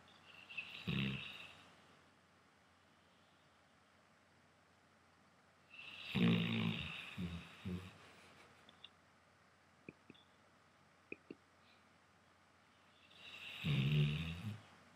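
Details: Leu snoring while asleep: three loud, rattling, low snores spaced several seconds apart over a quiet background, roughly eight to ten breaths a minute.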